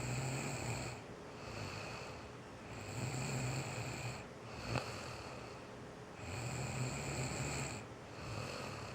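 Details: Sleeping female, unaware she snores: steady, soft snoring with a whistling, nasal edge, about 20 breaths a minute, over steady room noise.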